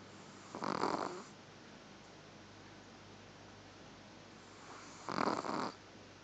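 Two loud, rough snoring breaths about five seconds apart, with quiet room noise between them. Ordinary snoring.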